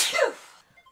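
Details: One loud, explosive sneeze that trails off quickly, from an adult with a cold while playing a video game.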